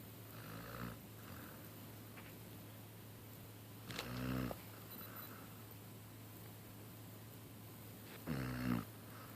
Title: Dutch Snoring